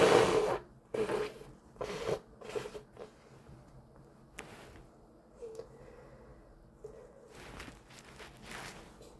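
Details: Person with a cold, stuffed up all afternoon: a strong nose blow, then a series of short wet sniffs and snorts in a quiet room; sniffling and nose blowing from nasal congestion.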